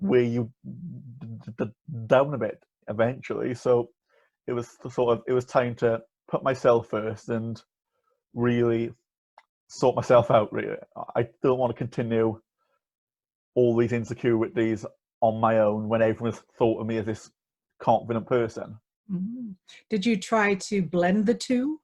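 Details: Stuttering (stammering) with blocks on words in an 18-year-old male with a lifelong stammer, which he describes as a neurological condition.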